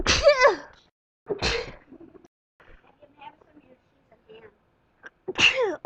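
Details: Person with spring allergies sneezing uncontrollably in the morning: three sharp, voiced sneezes, two close together and one after a quiet pause.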